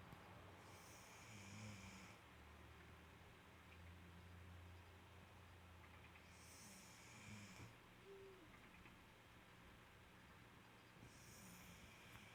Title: snoring